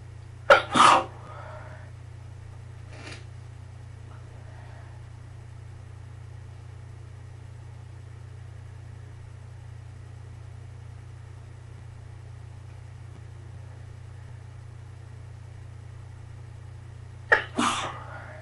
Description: mild fit...stifling sneezes arent as easy as they seem lol a few got away from me